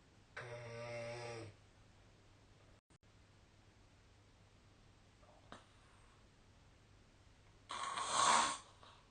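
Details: Snoring recording with the SnoreLab app: a low buzzing snore on the in-breath and a noisy rushing exhale over faint room hum; snoring.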